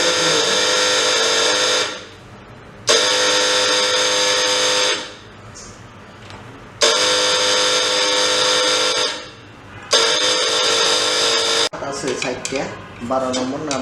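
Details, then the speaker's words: Kongchang hospital suction machine with faulty relay, capacitor fine: loud harsh tonal buzzing in bursts of about two seconds with short pauses when switched on. "Capacitor ঠিক আছে দেখুন যখন চালু করি তখন relay থেকে প্রচুর শব্দ হয়"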